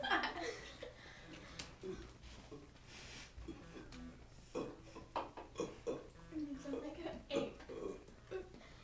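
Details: Young voices in a burping contest: several low, drawn-out deliberate belches mixed with laughter and chatter.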